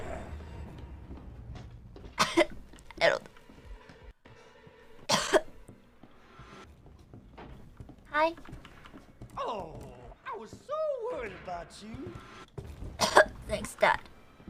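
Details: Adult woman, a VTuber, has a sudden coughing fit after choking while scared during a game stream: about six sharp, forceful coughs in a row with brief vocal sounds between.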